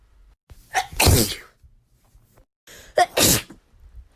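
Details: Wet sneeze compilation; two forceful, wet sneezes, each with a short inward breath before the explosive burst; ordinary sneezing.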